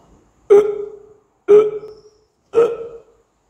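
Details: Hiccups demonstrated in an English vocabulary lesson on body sounds: three abrupt, voiced hiccup-like bursts about a second apart, each fading quickly.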